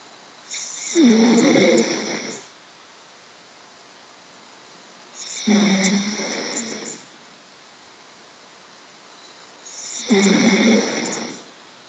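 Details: Snoring heard over a Skype call: three loud, rough, rattling snores about five seconds apart, roughly 13 breaths a minute, with quiet pauses between.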